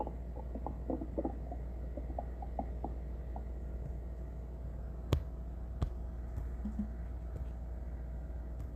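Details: Stomach growling (borborygmi).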